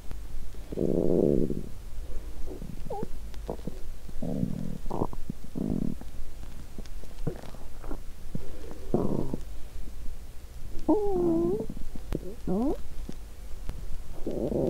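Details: In the early days of a 7-day fast: repeated low gurgles and rumbles from an empty stomach, with squeaky tonal bubbling. Active hunger bowel sounds (borborygmi).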